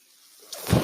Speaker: That noise you hear is my ventilator, and thank you for tuning in to Page Turners They Were Not,